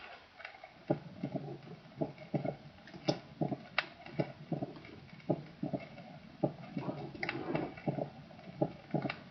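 Heart cycles with three sharp sounds each: a crisp extra snap follows the second sound, without a gallop's lilt. This is an opening snap.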